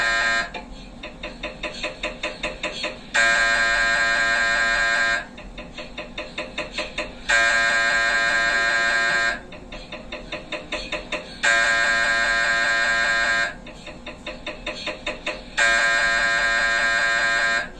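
Loud repeating machine noise, with bursts of rapid knocking alternating with steady buzzing tones every couple of seconds, typical of an MRI scanner running.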